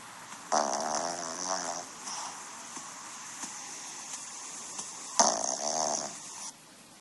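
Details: Two loud, rattling snores about five seconds apart, each over a second long, with quiet breathing between; snorer woken by own snoring; heavy snoring.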